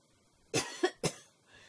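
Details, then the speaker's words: Two abrupt coughs from an adult woman who says she is sick and apologises for her voice and cough, quiet room, the first cough with a quick second push. "Moi ça va couci couça parce que je suis malade et d'ailleurs je suis désolée pour ma voix. Et désolée pour ma toux."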